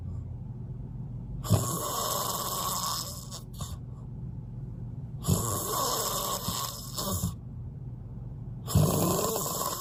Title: Even the loudest snoring couldn't stop me from sleeping well😂🤪 #snoring